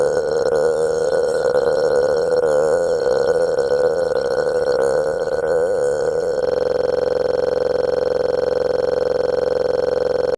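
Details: Female burping compilation: a long, loud, drawn-out belch with a wavering tone, then a steadier sustained tone.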